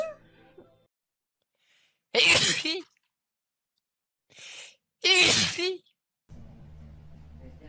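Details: A VTuber sneezing: two sharp, explosive sneezes a few seconds apart, with quiet room sound between.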